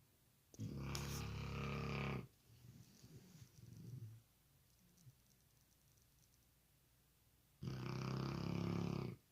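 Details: Sleeping dog snoring: two long, deep, rumbling snores with soft breathing between them.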